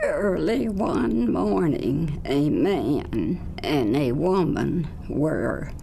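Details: Adult woman speaking; adductor spasmodic dysphonia.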